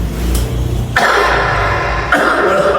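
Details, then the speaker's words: Adult man with a long-standing chronic cough that comes on when lying on his left side but not his right: two harsh coughs over background music. "Kalau ke kiri langsung batuk. Kenapa batuk Pak? Siga kayak menaun."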